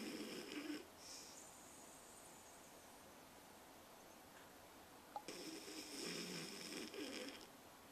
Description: Annie snoring, a sign of stress-free living. :)